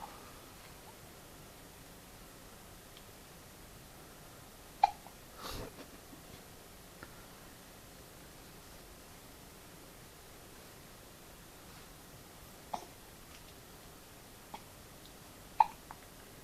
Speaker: Have you got baby hiccups? Baby hiccups.